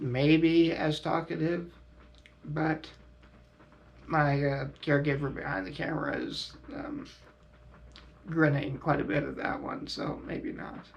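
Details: Adult male quadriplegic with high-level spinal cord injury, using a ventilator and diaphragm pacemaker via tracheostomy button, which irritate his throat; uses neck muscles for extra air to speak louder; finding: ventilator-dependent speech with tracheostomy.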